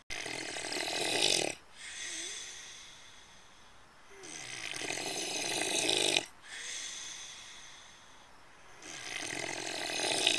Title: Snoring Pig